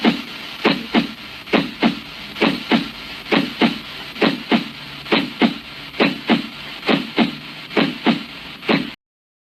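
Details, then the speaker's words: Normal heart sounds: regular lub-dub at about 67 beats per minute, with crisp S1 (mitral and tricuspid closure, best at the apex) and S2 (aortic and pulmonary closure, best at the base), and no extra sounds. "A continuación, escucharemos los ruidos cardíacos normales."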